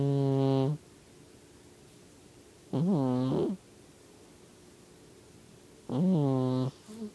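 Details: A cat named Stumpy snoring.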